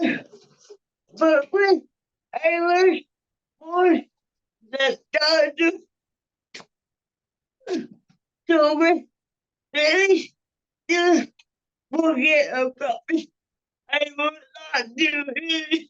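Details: Adult woman with cerebral palsy speaking on a panel, with her speech revoiced by another speaker; dysarthria.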